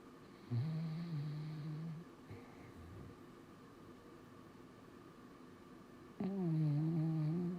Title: Dog Snoring Sleeping